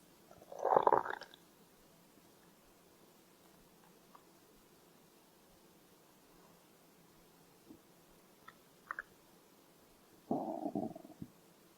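Two low gurgling rumbles a few seconds apart in a quiet room, with faint small bubbling between: ordinary stomach growling of hunger.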